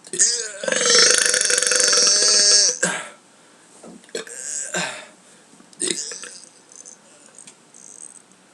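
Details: Person burping on purpose after eating beans: one long, loud, drawn-out burp followed by a few shorter burps; belching of swallowed air.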